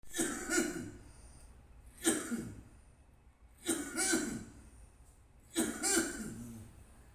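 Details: Cough recorded in hospital: four bouts of coughing, each a pair of harsh, forceful coughs a couple of seconds apart, in a quiet room.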